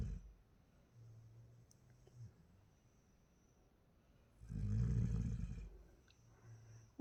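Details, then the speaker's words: Child who snores every night, recorded asleep at 2:47 a.m. lying turned over beside his father: soft, low snoring breaths in a quiet room with one louder rumbling snore; snoring. "মানে ও প্রত্যেকদিন এরকম নাক ডেকে ঘুমায় সেটা আমি আজকে হাতে নাতে প্রমাণ দিচ্ছি"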